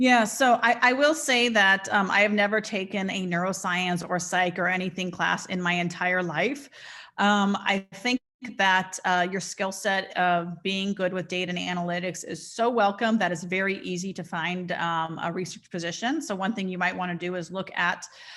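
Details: Adult woman; typical speech.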